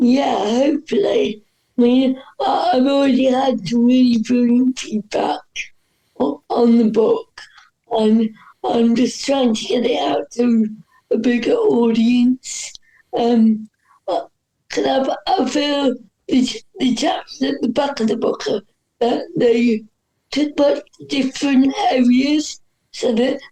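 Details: Dysarthria in a woman whose voice is affected by cerebral palsy.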